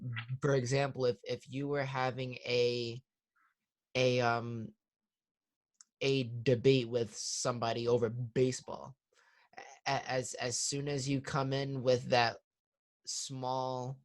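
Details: 21-year-old man in stuttering therapy, now improved, with audible word repetitions; stuttering.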